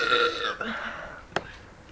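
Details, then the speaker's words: Young woman burping voluntarily: a short voiced belch, followed by a sharp brief click or gulp; ordinary burp. "yeah I need some good old Coca-Cola to get my burps going that little carbonation down in my gut yeah you can burp on coke I can't I burp on"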